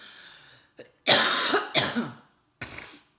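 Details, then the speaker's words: Adult with a nasty cough gives three harsh, forceful coughs in close succession, each sharp at onset and fading quickly: cough. "Gosh, you guys, I shouldn't have done a video tonight. This cough is nasty. I sound like Hillary."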